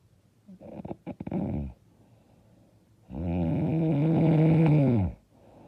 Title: I SNORE SO LOUD AND HARD